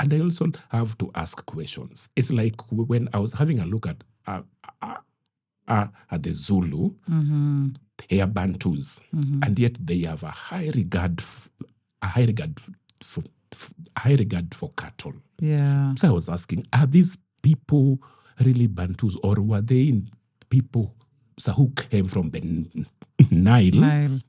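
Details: Adult man who stammers; he says his stammering is genetic, inherited from his mother, and at times acute; word and part-phrase repetitions are heard; stuttering.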